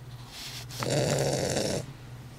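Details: A sleeping Weimaraner dog gives a single loud, rattling snore on a drawn-in breath over quiet room noise: snoring.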